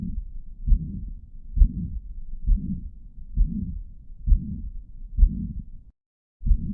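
Regular heartbeat at about 67 a minute, with a steady low blowing murmur filling the gap after each first heart sound. This is the murmur of mitral regurgitation: a holosystolic murmur from blood leaking backward through the mitral valve during each contraction.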